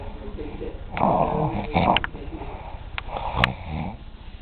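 Loud, rough snoring breaths with a fluttery rattle on the in-breaths in a small room; ordinary snoring.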